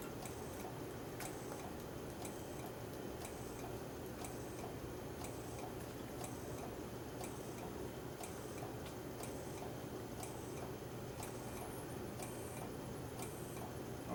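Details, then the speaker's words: Infant Star neonatal ventilator cycling: steady hiss with regular clicks about once a second, the extra hiss being pressure released through the valve, heard to set the high-pressure alarm limit. "That extra hiss that you hear, the hissing sound, that's the release of the pressure out of this valve."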